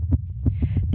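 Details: Young woman's excited heartbeat picked up by a microphone during a performance, pulse very high throughout: rapid low thumps, about four beats in under a second, over steady hum; very fast heartbeat, tachycardia.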